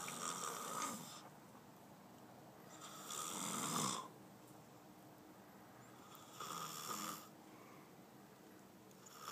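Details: Sleeping person who denies snoring: loud, harsh snores on each breath in, about 19 a minute, separated by quieter breathing; ordinary snoring.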